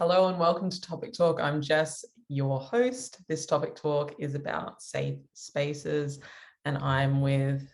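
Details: Adult speaker; typical speech.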